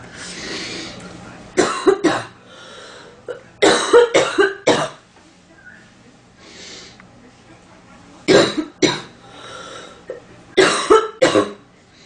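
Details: Acted female coughing sound effect, with complaints of an itchy, stuffy nose: four clusters of two to three short, dry coughs separated by quiet breaths.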